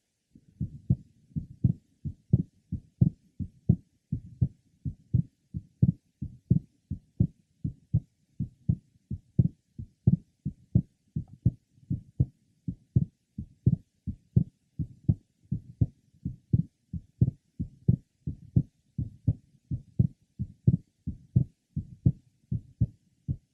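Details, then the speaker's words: 21-year-old man with normal splitting of the second heart sound at the third left sternal border: split on inspiration, closely split or single on expiration. "the splitting is easily heard with inspiration and with expiration the second sound is closely split or single"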